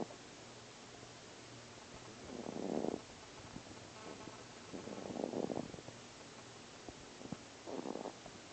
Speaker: You're snoring, dude.